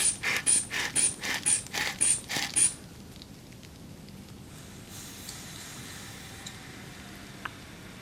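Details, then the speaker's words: Simulated ASMR medical role-play: about eleven quick rhythmic squeezes of a blood pressure cuff bulb on a woman, then a faint quiet release; cuff inflation, reading then called excellent. "okay that's good okay I'm going to take your blood pressure next"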